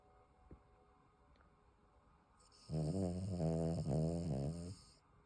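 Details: Dog snoring: a single long, droning snore with a fluttering buzz after a quiet pause, in a quiet room.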